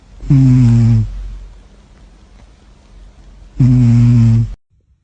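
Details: Sleeping dog snoring: two loud, deep, droning snores a few seconds apart, with quiet breathing between.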